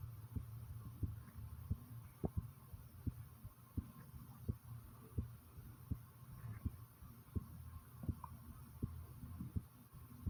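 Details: Own heartbeat recorded together with stomach noises: steady, regular low heart thumps at about 85 beats a minute, with a faint background hum; normal heartbeat.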